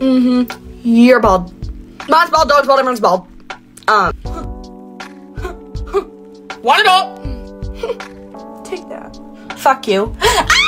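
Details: Tourette syndrome vocal tics with coprolalia, including rhyming word-chain and obscene tics, in a young woman diagnosed at the Mayo Clinic at 18 and 19 at one point. The compilation traces tic progression, with background music.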